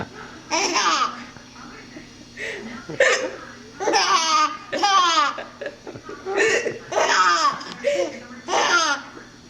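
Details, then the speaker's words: Infant (North Carolina, 2007) hiccuping: a series of short, abrupt voiced bursts at irregular intervals, some with sharp onset, mixed with baby vocal sounds; hiccups. "We thought hiccups were so comical."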